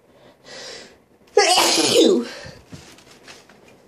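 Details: A single sneeze: a short indrawn breath, then one forceful, explosive sneeze trailing into quiet breathing, amid a recording of sniffles, sneezes and nose blows.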